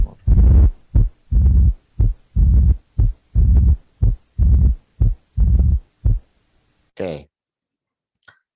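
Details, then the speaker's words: Pandiastolic murmur added to a heart beating 60 times per minute, in a teaching sequence of early, mid, late and pandiastolic murmurs. "listen now to a heart beating 60 times per minute then a murmur will be added in the diastolic period early mid late and pan diastolic"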